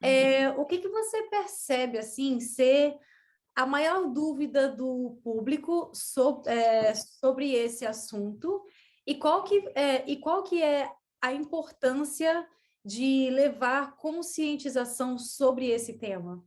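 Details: Woman who stutters since childhood, reporting blocks and pauses, not very severe; stuttering.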